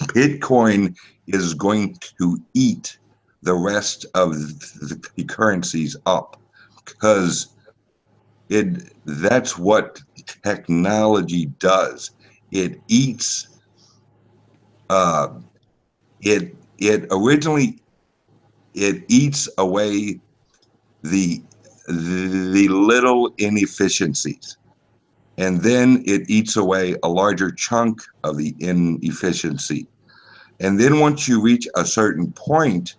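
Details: Self-reported speech impediment of unspecified type in a man, a truck driver; disfluent speech; speech impediment.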